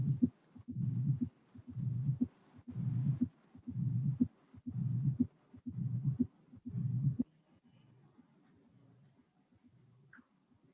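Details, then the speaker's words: Heartbeat about 60 a minute with a first sound, a second sound, an opening snap and a soft, low-frequency diastolic rumbling murmur: mitral stenosis, played as an auscultation teaching test. "so this is mitro stenosis it cannot be mitro prolapse because the ascultat finding is in diast"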